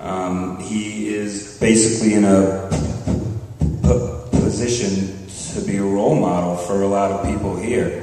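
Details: Genuine stuttering in a speaker at a live stuttering-association conference session, July 2009.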